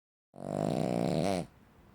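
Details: Cavalier King Charles Spaniel dog: one loud, rattling, buzzing breath sound lasting about a second, likened to a chainsaw; coarse snoring.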